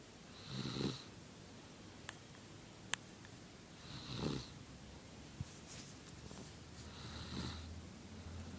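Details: Baby snoring during sleep: soft, rhythmic, low rattling snores at about 18 breaths a minute against quiet room noise.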